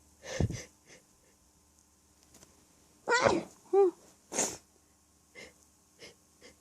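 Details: Person hiding in a staged scenario during an allergy attack, with sneezes recorded largely naturally and little induced: several sneezes in quick succession, some stifled and held back, with faint nasal sounds between; allergic sneezing fit.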